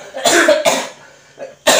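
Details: Adult taking Cap Ibu dan Anak cough syrup gives three short, harsh coughs in quick succession, with a breath between them.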